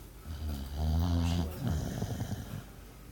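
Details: Snoring: a low, rattling snore on one breath, loudest in the deep range, fading into softer noisy breathing.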